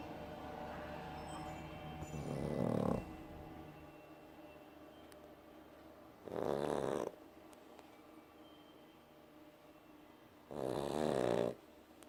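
Three rumbling snores about four seconds apart over quiet background hum; ordinary snoring.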